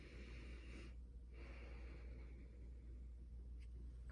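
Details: Normal breath sounds in a female patient with a healthy chest, auscultated during a student nurse's physical assessment.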